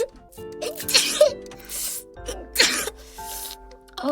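Abrupt explosive bursts of air over steady background music, consistent with sneezing.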